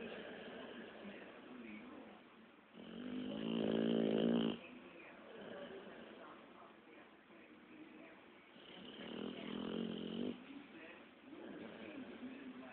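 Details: Sleeping pitbull snoring: two long, buzzing, voiced inhalation snores about six seconds apart, with quieter breathing between them; ordinary snoring.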